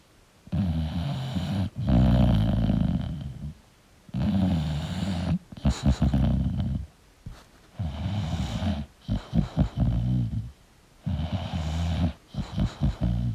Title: 🐶 English Bulldog Sleeping & Snoring Sound Relaxing for Bulldog Lovers [1Hour]